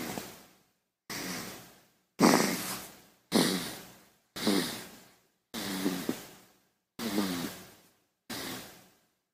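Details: Baby snoring sound effect: eight short, snorty, slightly rattly breaths, each cut off abruptly as if edited together.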